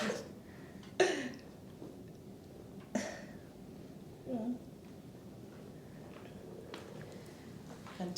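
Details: Two brief, harsh throat-clearing bursts about two seconds apart, with faint murmuring and room noise, from an adult during a manual therapy muscle release and stretching session.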